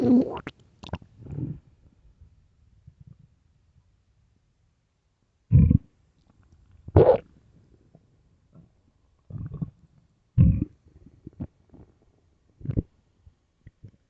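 Irregular low gurgling rumbles in separate bursts with quiet gaps: stomach growling, an ordinary gut sound of hunger and digestion.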